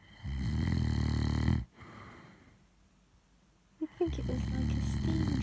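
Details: Drunk adult man snoring while deeply asleep: a loud, rattling snore, a pause, then another heavy snore likened to a steam train.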